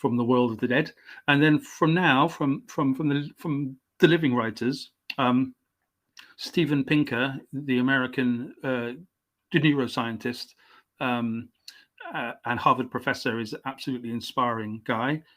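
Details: Stuttering (stammering) in an adult male English writer, stammering since age five, coming and going; he received speech therapy at 29.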